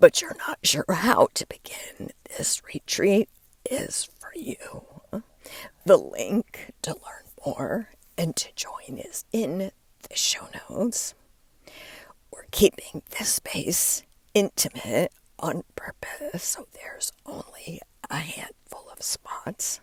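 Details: Adult woman with diagnosed spasmodic dysphonia, which she links to stress; onset when her voice started to go and words barely came out while speaking at an event; still present and still being worked through; spasmodic dysphonia.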